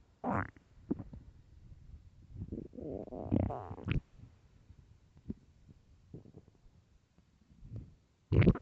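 Loud low gurgling and rumbling bowel sounds with bursts and squeaks, typical hunger growling from an empty stomach.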